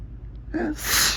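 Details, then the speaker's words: Adult sneezing from bright morning sunlight on the face through a window, a photic sneeze reflex, possibly helped by a dusty room: a short intake of breath, then a single sharp, forceful sneeze. "I'm so sensitive. So many things make me sneeze. Could be that it's a little dusty in here, too. But the sun is really uh helping it along."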